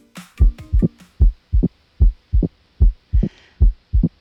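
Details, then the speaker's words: Opening snap, which points to mitral stenosis: a sharp, crisp, high-pitched extra click in diastole, best heard with the diaphragm, over regular heart sounds near 75 per minute; distinct from a sloshy S3 or a strainy S4. "That is sharper, crispier, it's a little bit more dramatic. It's very different from our sloshy S3 and strainy S4."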